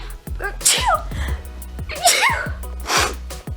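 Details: Person sneezing after rearranging a dusty apartment: about three repeated forceful sneezes over background music.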